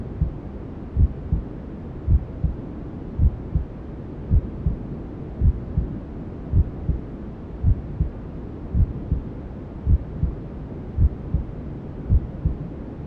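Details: Simulated ASMR womb sound for settling newborns: steady, muffled low thumps at about 55 a minute, imitating a mother's heartbeat heard from inside the womb, under constant whooshing white noise.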